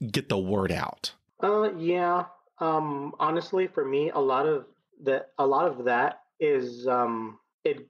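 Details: 39-year-old man who has stuttered as long as he remembers; it began in childhood with vocal blocks in the throat and now shows mainly as repetitions used to get past blocks; speech therapy through elementary school until 7th grade; stuttering.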